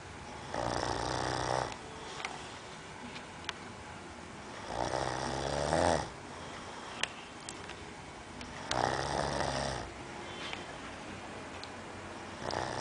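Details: A male roommate who usually snores while sleeping: rough, vibrating snores on each inward breath, about three in thirteen seconds, with quiet breathing between them in a small room.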